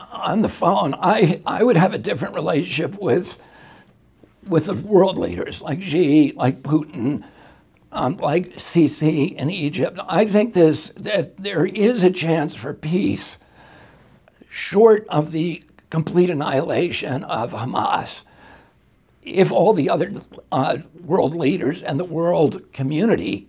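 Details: Spasmodic dysphonia in an adult male whose voice was strong until age 42, following a neurological injury in 1996; he attributes his voice to the brain sending wrong signals to the vocal cords, not to the vocal cords themselves.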